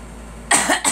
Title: Girl coughing